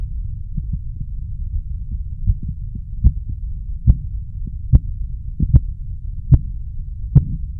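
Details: Korotkoff sounds as heard while measuring blood pressure; headphones recommended for listening.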